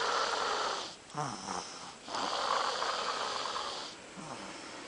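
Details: Loud, rough, fluttering snoring breaths on each breath, with brief pauses between, while sleeping after crashing out; snoring.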